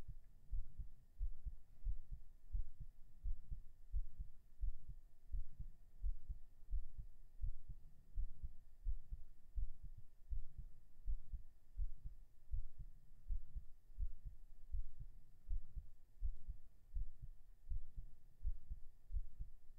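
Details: Binaural recording of a normal heartbeat right after 37 push-ups: steady low heart thumps at about 86 beats a minute, mildly quickened after exercise.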